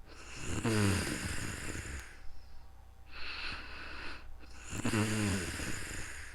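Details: Real-time snoring during sleep: two long, loud, vibrating snores on breathing in, with a softer breath out between them.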